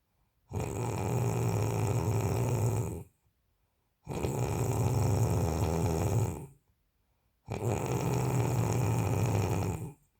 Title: Snoring sleeping feet